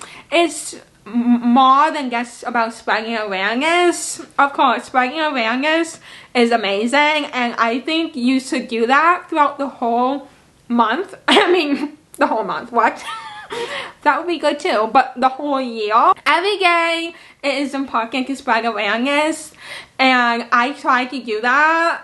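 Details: Woman aged almost 26 with cerebral palsy, speech impairment and visual impairment; dysarthria (cerebral palsy).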